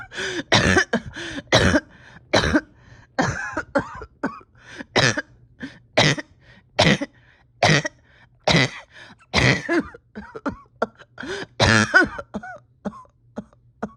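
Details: Many harsh cough bursts with strained voiced catches in quick succession over fourteen seconds: a painful persistent cough in a patient with a tight chest whose oxygen levels are holding steady.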